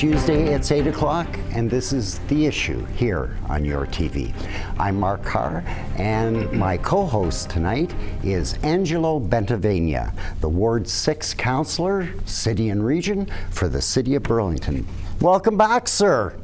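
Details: Adult male television host; normal speech.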